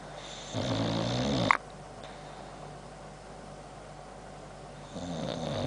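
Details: Sleeping Boxer dog with heavy hippo-like jowls, clicking his chops: loud rattling snore, one long inhaled snore, then quiet before the next; snoring.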